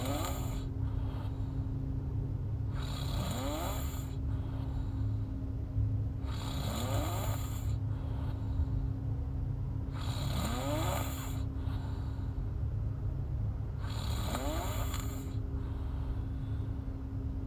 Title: Snoring girl